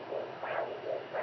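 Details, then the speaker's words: Home fetal Doppler recording: rapid, rhythmic whooshing fetal heartbeat, roughly 150–170 beats a minute, described as fast; the rate is said to fluctuate low to high. "that's our little nuggets heartbeat oh my gosh eating fast I'm right on him"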